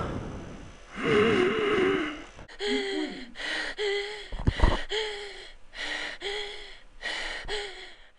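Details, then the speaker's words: Repeated harsh, high-pitched, tonal crowing gasps: inspiratory stridor from vocal cord dysfunction (paradoxical vocal cord movement), the vocal cords closing during attempted breathing, as in laryngeal spasm. "Laryngeal spasm is the most severe type of vocal cord dysfunction when the vocal cords come together completely preventing a person from taking a breath at all a High-pitched sound results known as Stridor"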